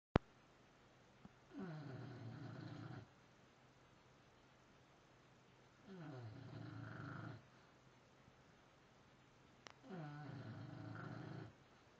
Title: Bulldog Nelly snoring.